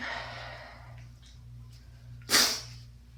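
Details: Stifled sneeze from a variety of stifled sneezes (pinched, hands-free, failed, half-stifles): quiet breathing and room hum, then one short, sharp, muffled burst of air.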